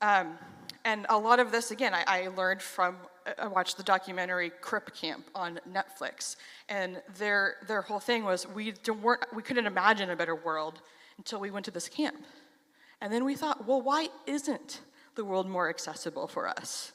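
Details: Stuttering in a 33-year-old adult who has stuttered since age 6; reports stuttering less on stage than in casual videos.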